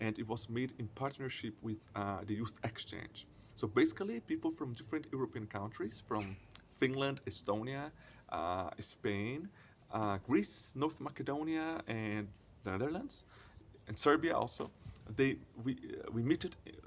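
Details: 20-year-old Brazilian man speaking English, whose stuttering is mostly prolonged sounds and blocks with silent moments; stuttering.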